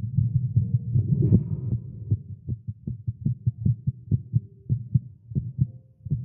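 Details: Male heartbeat recorded during exercise with caffeine, tagged irregular heartbeat: rapid, somewhat uneven low thumping at roughly 150 beats per minute; fast heartbeat.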